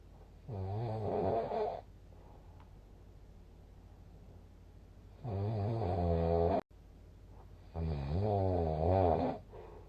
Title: いびき（snoring）2/15/2024 その21